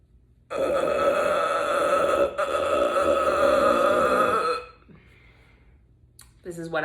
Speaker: I normally uh can do this when my stomach is empty and then I either eat or Put liquid on it so the natural gas just come out it's not a weird formula or something of the sort